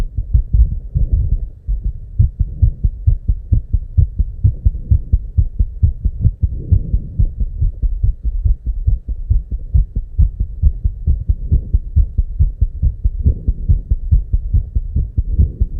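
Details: Very fast, closely packed heart thumps with a low hum behind them; real recorded heart sound at 290 beats per minute, tachycardia.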